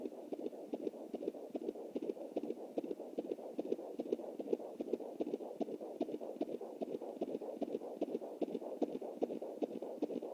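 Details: Fetal heartbeat on a Jumper Doppler at 20 weeks + 7 days with an anterior placenta: galloping, horse-like beats of the baby, distinct from the mother's pulse of 93 picked up through the artery.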